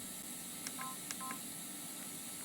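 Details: Fresenius Kabi VP7s infusion pump being set up in training, navigating rate/time/volume menus: two short electronic beeps with button clicks in a quiet room. Infusion pump keypad beep.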